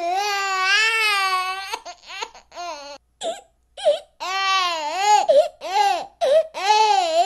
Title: TOUCHING 10 Hours of a Child's Cry: Rivers of Tears and a Ten-Hour Emotional Stream of Crying #asmr